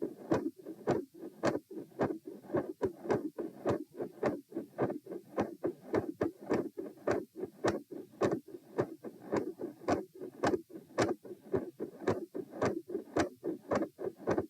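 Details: Stress-test auscultation at position M, heart rate 90-108-72 bpm while sitting, then standing, then lying: split S2 with a mid-systolic murmur and electrical disturbance noise.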